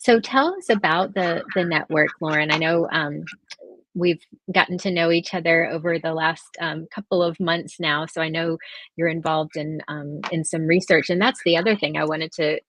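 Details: Adult woman speaking; normal speech.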